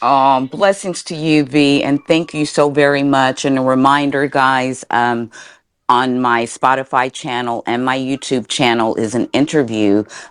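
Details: Adult woman speaking; typical speech.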